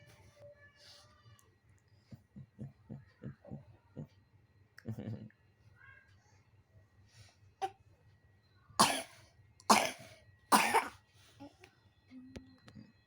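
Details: A young girl who is unwell, coughing for about a week during the seasonal change and also asked about dizziness, gives a run of soft short sounds and then three loud, harsh coughs about a second apart.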